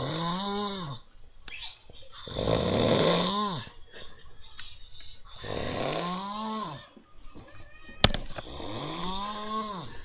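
Loud, rattling snores rising and falling with each breath, roughly every three to four seconds; snoring during sleep.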